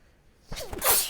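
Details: Adult with seasonal allergies that flare with the change of seasons in fall: a single sneeze, a brief quiet, then a sharp breathy burst with a hiss.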